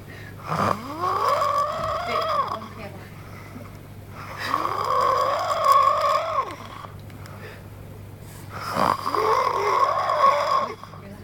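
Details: Heavy snoring: loud, drawn-out rattling snores with a groaning pitch sweep, three breaths in eleven seconds, about 16 a minute.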